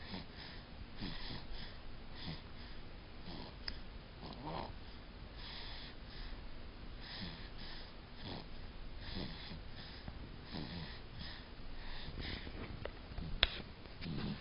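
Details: Snoring during sleep from a male: repeated soft snorting snores roughly every second with a faint whistle over a low background hum.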